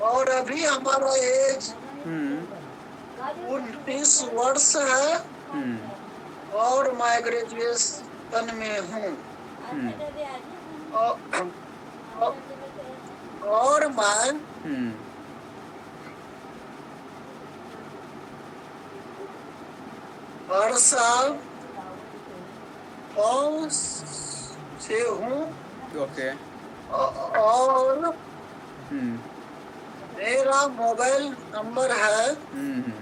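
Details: Man in a stammering therapy session; long pauses and blocks during his introduction, described as body freezing, getting stuck and breath stopping while speaking; stuttering.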